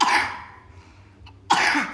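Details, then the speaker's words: Young child who is coughing again in the windy cold season gives two short, harsh cough bursts about a second apart. "Batuk lagi? Heem. Makanya jangan makan jajan ciki-ciki, enggak boleh."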